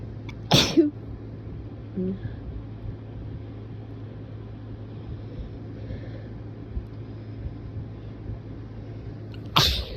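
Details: Two forceful sneezes several seconds apart, strong enough to make the throat hurt, with a nose blow, over a steady low room hum: sneezing.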